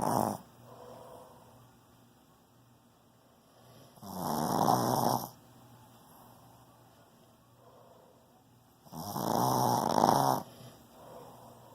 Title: Who Snores louder?